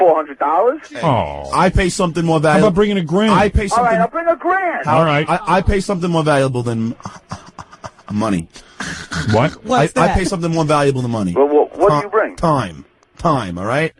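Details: Adult man, born 1965, who has stuttered since second grade, a radio show call screener; stuttering.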